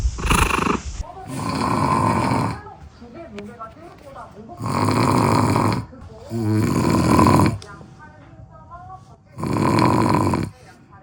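Loud, harsh rattling snores on each breath, about 12 a minute, with room noise between; heavy snoring.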